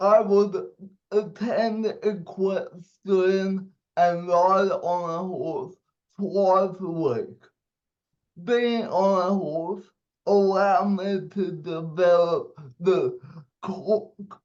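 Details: 27-year-old man with cerebral palsy, told at birth by a doctor he would never walk or talk, giving a speech; dysarthria (cerebral palsy).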